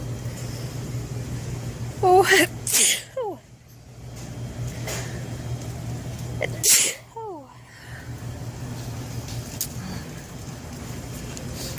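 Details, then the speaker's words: A 26-weeks-pregnant woman sneezes while shopping in a grocery store, attributing it to nearby essential oils. "we're getting into some essential oils somewhere it's making me sneeze"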